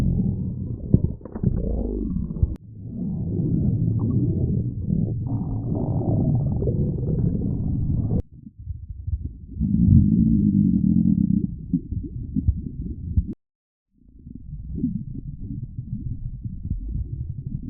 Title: Fat animals stomach growling compilation #1